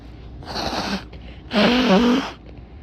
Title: Stifles sneezes and nose blows